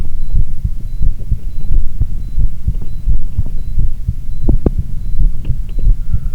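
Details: Repeated low thumping heartbeats at about 44 per minute over a background hum, recorded alongside an ECG.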